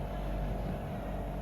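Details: Continuous low motor hum of a suction machine running during oral suctioning on a patient after preoxygenation, catheter inserted about 10 cm and withdrawn with twisting to clear secretions; suction machine running.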